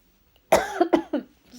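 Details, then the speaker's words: Person recovering from an illness that needed fluid replacement, taking rehydration salts and preventive tablets, coughs into their hand: three to four quick, voiced cough bursts in close succession, an ordinary cough. "I wasn't meant to cough in my hand. Hold on."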